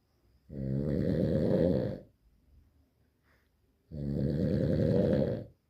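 Two loud, rattling, buzzy snores on the in-breath, each lasting about a second and a half, with a quiet exhale between them.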